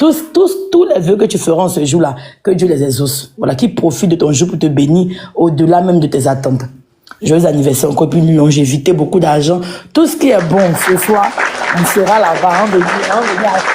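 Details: Adult speaker; normal voice.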